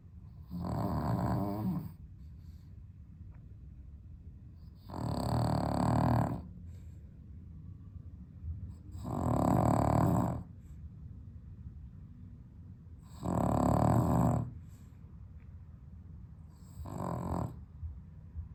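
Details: Sleeping dog with sleep apnea, somewhat improved on heart medication, on a very hot 32°C day without air conditioning: loud rumbling snores, about 14 breaths a minute, no clear pauses; snoring with sleep apnea.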